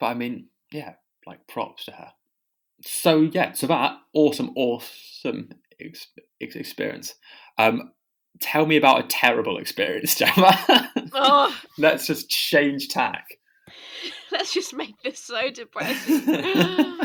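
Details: Adult podcast host who stammers, speaking about stammering at school; stammering.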